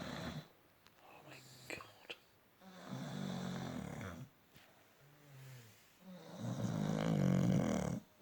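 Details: Snoring contest between two sleepers: deep, rattling snores on several breaths, some overlapping as if from two sleepers; snoring.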